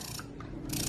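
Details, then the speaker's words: Spectra S2 electric breast pump switched on in a side-by-side comparison with a Medela pump: brief whirring and clicking as its motor cycles a three-part suction meant to mimic a latched baby, running normally. "So one of the main differences between the two are even the suction. You can hear the difference."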